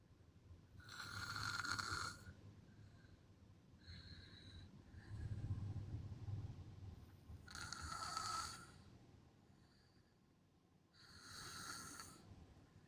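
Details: Rattling snores alternating with softer breaths, about three snores in thirteen seconds; loud snoring.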